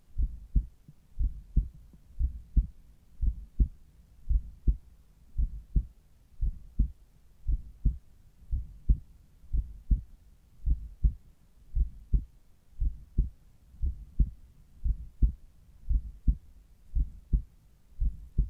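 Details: Regular two-part lub-dub heartbeats at the apex, about 70 beats a minute, recorded in the morning with a Littmann Cardiology 4 stethoscope; heart sounds at the apex.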